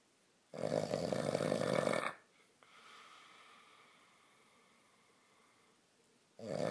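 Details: Sleeping man whose snoring is linked to lying on his back (advised to keep him off his back): loud, harsh rattling inhaled snore about 1.5 seconds, quiet exhale, next beginning; snoring.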